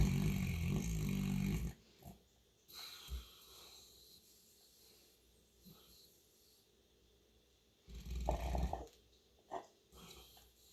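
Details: St. Bernard dog snoring: deep, loud snorting snores, two long bursts with quieter snuffles and breaths between them.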